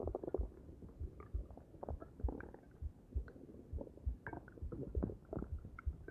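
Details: Stomach gurgles after a meal of omelet, coffee and green tea: low, irregular gurgling and rumbling bursts with faint room noise; ordinary bowel sounds.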